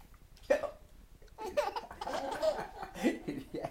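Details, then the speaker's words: 3-month-old baby laughing at fake hiccups: one sharp hiccup sound, then infant giggling and laughter with soft adult talk nearby. "yeah my goodness oh goodness i didn't know the hiccups got you going like that"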